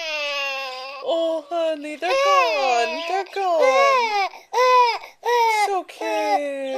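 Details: Infant with hiccups crying: repeated high-pitched wailing cry bursts with brief pauses between them; infant cry.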